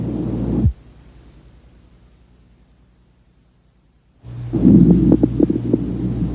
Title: COARSE CRACKLES - RIGHT LOWER LOBE | BREATH SOUNDS | AUSCULTATION